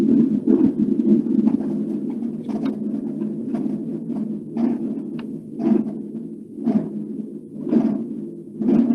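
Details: Continuous murmur.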